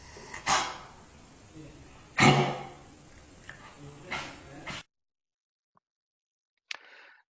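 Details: Dog with chronic airway disease, not coughing spontaneously, coughs when the vet palpates the trachea: two harsh cough bursts, a few softer ones, then a short snort.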